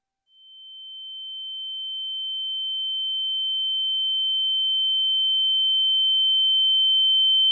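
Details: Simulated tinnitus: a steady, high-pitched pure tone that slowly grows louder, like ringing in the ears.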